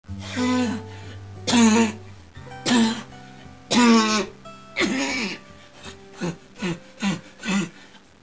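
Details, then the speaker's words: Simulated cough acted for a comedy medicine-commercial parody: an adult gives a string of loud, forced coughs over background music. "I just can't seem to shake this cough I've tried everything else and I just don't know what to do"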